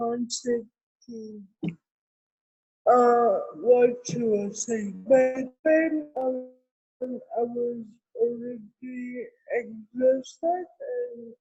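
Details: Adult woman with cerebral palsy, with dysarthria.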